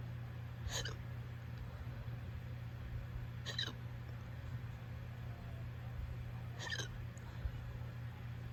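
Three brief, sharp hiccups about three seconds apart, roughly 20 a minute, over a steady low hum; repeated hiccups.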